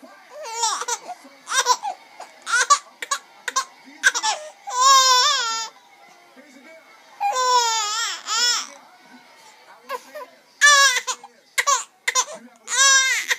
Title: crying